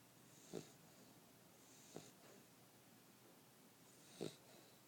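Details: Snoring in a 9-week-old sleeping puppy, quieter in the recording than in real life: three short snorting, wheezy breath sounds over about five seconds in a quiet room.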